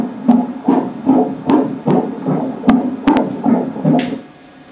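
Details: Ultrasound scan of a pregnancy, fetus described as kicking and turned upside down, estimated weight 1100 g called normal: rapid rhythmic whooshing pulses, about 150 a minute, the fast fetal heartbeat.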